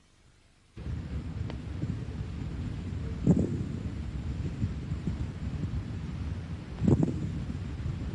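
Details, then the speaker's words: Patient asked to breathe deeply: low, muffled breath sounds with clusters of coarse, bubbling pops on two breaths, about 17 a minute, over a steady rumble; crackles described as alveoli popping open. "cuando el paciente ha logrado despegar los alveolos los estertores este tipo de estertor crepitante despegamiento"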